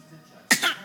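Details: A young child gives a single short, forced cough on request, a voluntary fake cough.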